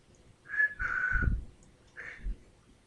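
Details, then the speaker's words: Adult 5 months (day 159) into right-sided Bell's palsy, about 50–60% recovered and still unable to purse the lips, gives three short, breathy whistle notes from one side of the mouth. "I still can't purse my lips I have figured out a way to whistle for my pups doesn't always work but sometimes it"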